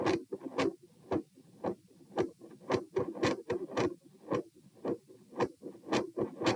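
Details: Heart sounds recorded at position p while standing: rapid regular beats near 113/min with a rough, waxing-waning continuous machinery-like PDA-like murmur and phasic S2; ASD/PFO pattern not apparent, possibly L-R pressure.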